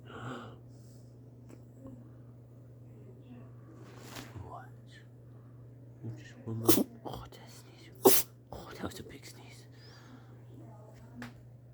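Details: Miniature Pinscher: quiet room with soft snuffles, then a few sharp, big sneezes from the small dog, with background hum and soft talk.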